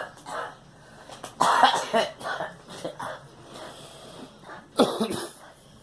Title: Girl coughing